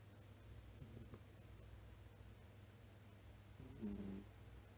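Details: Sleeping pet cat: soft low rumbling breaths with a louder snort-like snore near the end, over steady room hum; snoring.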